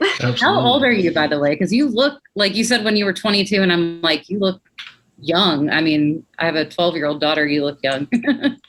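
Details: Adult woman speaking, possibly with a second conversational voice; no speech disorder.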